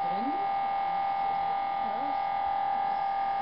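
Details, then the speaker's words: Inside an MRI scanner during a cervical spine series, with a coil placed over a volunteer nurse's cervical spine: continuous loud electronic buzzing hum with a steady tone; MRI gradient noise. "now she's being put into the mri this is what it sounds like inside the mri right now"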